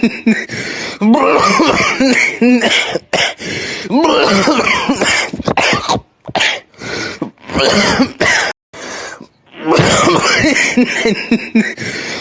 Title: 10 minutes of delicious coughing